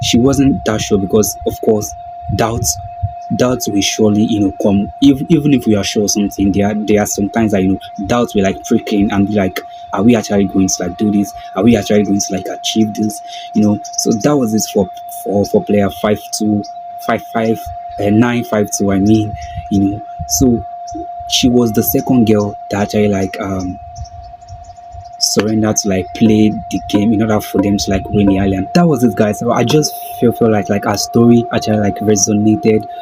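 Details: Stuttering in an adult man who calls himself a stammerer; this stretch has a broken word and a repeated word.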